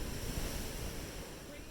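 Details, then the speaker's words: Third round of ear irrigation on one severely impacted, gooey earwax-blocked ear, after curette use; steady rushing, gushing water flushing the canal. The patient reports improved hearing and reduced fullness, the process is painless, and the eardrum becomes visible afterwards. "little better view we're going to irrigate this patient's ear one more time and see if that actually removes from the eardrum itself"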